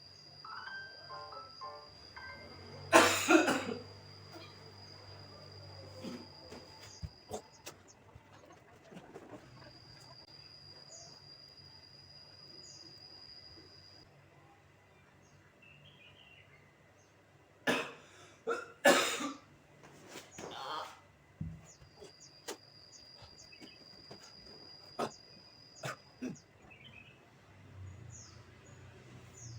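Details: Short dry tickling coughs in two clusters of two or three from an irritated throat, with throat clearing, in a massage-therapy demonstration for relieving tickling cough and loosening mucus.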